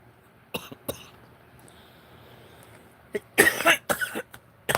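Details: An adult gives several short, dry coughs, including a louder cluster, in a quiet room, while measuring and cutting paper for a craft project and apologizing for the noise; cough.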